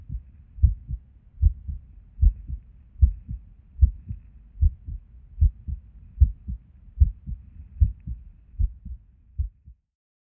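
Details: Resting heartbeat recorded at Erb's point while sitting at a desk: about 75 a minute with uneven spacing, some gaps longer than others; irregular rhythm with skipped or extra beats.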